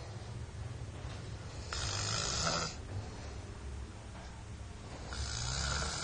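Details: Loud, rough snoring from a child, two breaths in about six seconds with a harsh rattling noise on each in-breath during sleep.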